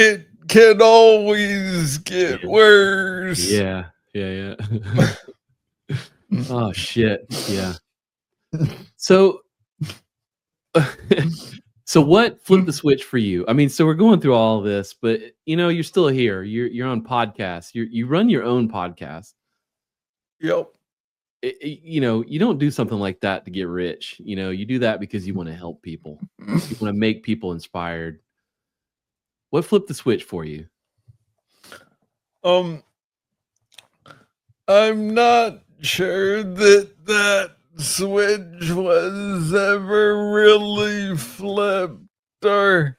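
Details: Adult man with Parkinson's disease diagnosed in 2014 at about age 35, first misread as tennis elbow; slow speech from Parkinson's disease.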